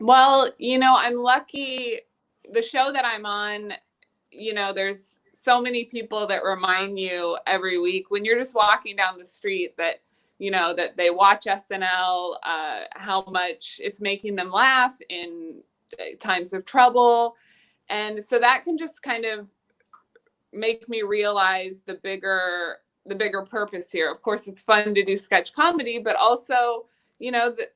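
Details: Adult woman; typical fluent speech.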